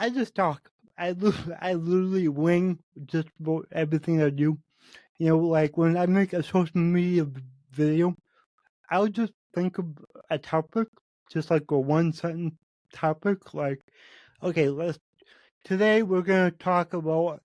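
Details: Adult man with cerebral palsy affecting every muscle of his body; he says his speech is much better than 8 months earlier and improves as his health improves; dysarthria in cerebral palsy.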